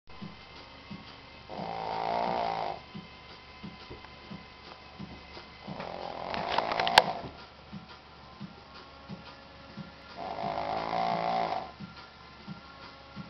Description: My 11yr old Shih Tzu displaying her high quality snoring skills...............